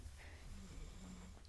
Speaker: Oh, you can hear him snoring. He's a chocolate lab. He does snore loud.